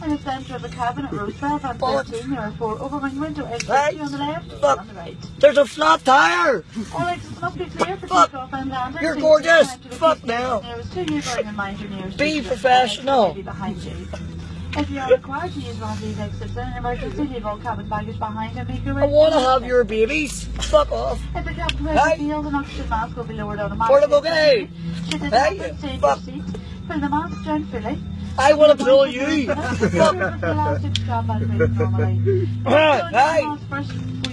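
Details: Adult flight attendant; cabin crew safety announcement.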